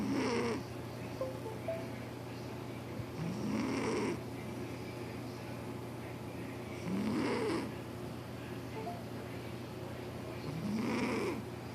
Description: Callie the calico cat doing what she loves most, sleeping and snoring. Her snoring is so loud and I cannot sleep!